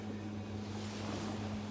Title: HFCWO Vest Therapy/ Respiratory care /( High Frequency Chest wall Oscillation)